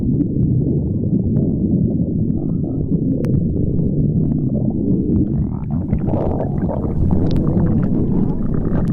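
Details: Continuous low rumbling and gurgling from the belly; stomach growling (borborygmi).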